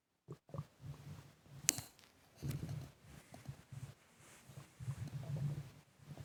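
Irregular low rumbling gurgles come in bursts, with heavy breathing and faint room noise; these are audible bowel sounds, ordinary stomach gurgling.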